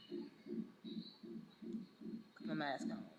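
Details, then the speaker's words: Fetal heartbeat on a labor monitor at 39 weeks, after the mother's water broke, in the birth of her third child: regular whooshing at about 150 beats a minute with brief background talk. "her heartbeat is loud i can't see it but"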